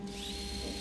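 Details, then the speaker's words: Zygomatic implant drill (2.9 mm) running with a brief steady high-pitched whine during a hands-on demo on a severely resorbed maxilla model, withdrawn every four seconds for irrigation to avoid heating bone. "difficulty in sliding the drill so the ring goes in out very smooth every four seconds you take out the drain for irrigation to occur because it is quite difficult to call the drill there you don't want the bone to be hot there"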